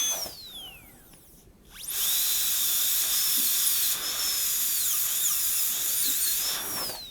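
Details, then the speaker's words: High-speed dental drill with a 1557 bur run dry on a typodont tooth #18 for a gold onlay preparation, roughing out the occlusal reduction from the guide cuts, starting at the non-functional cusp: a high-pitched whine dipping as it bites. "so that's all of the guide cuts and now we'll go ahead and connect those so we'll start over here on the non-functional cusp and all of this with the 1557 is is again we're just kind of roughing it out it's a nice burr to use at this stage because it cuts very cool"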